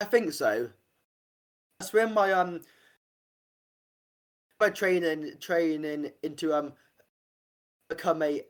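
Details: Adult man who has had a stammer since about age five; stuttering.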